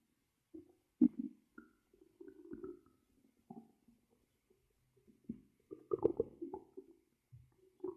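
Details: Irregular gurgles, squeaks and rumbling bursts with quiet gaps, recorded for ASMR while monitoring the belly; normal bowel sounds (borborygmi).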